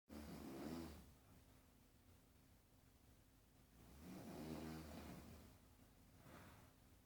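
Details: Two low, vibrating snores on inward breaths about three and a half seconds apart, a softer third starting, over faint room hum; an elderly grandmother snoring loudly in sleep.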